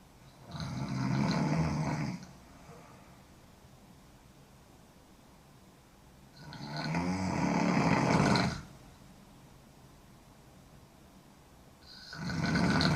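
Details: A sleeping woman snoring hard: loud, harsh, rasping snores on breathing in, about 9 a minute, separated by quiet gaps; heavy snoring.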